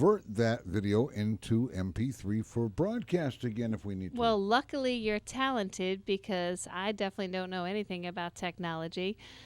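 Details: Adult speaker; normal voice.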